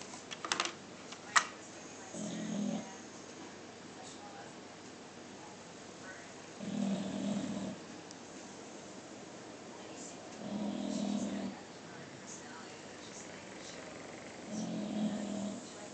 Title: My bulldogs sleeping/snoring